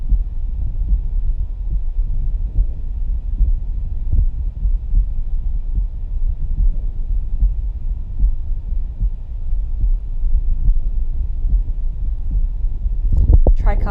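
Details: Live stethoscope auscultation of a person's heart moving through aortic, pulmonary then tricuspid areas: muffled, regular low thumps under steady hum, ending in brief handling noise; normal heart sounds.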